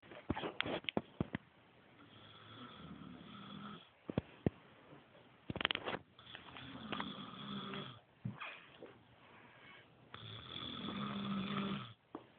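Irregular rasping breath sounds with buzzing, fluttering stretches and occasional clicks or knocks in a quiet room; snoring.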